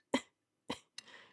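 Three short, sharp coughs in a quiet room, the last trailing into a breathy exhale; a lingering mucus cough after flu.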